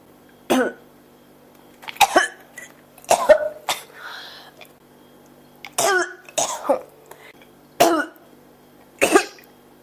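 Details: Person who can't stop coughing: repeated short, harsh coughs, about ten in ten seconds, singly and in pairs without letting up.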